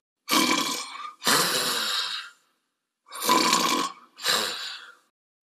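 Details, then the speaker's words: Awake person deliberately imitating snoring while looking straight ahead, head not rotated, demonstrating an anti-snoring pillow: four rough, rattling snore-like bursts, each about a second long. "you can experience this effect very simple on your own look straight and generate the typical snoring"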